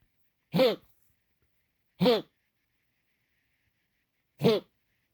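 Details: Three short, separate coughs with a slightly voiced, honking edge and silence between them; a dog coughing.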